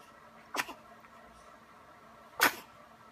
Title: 11/21/14 7 days old sunbathing sneeze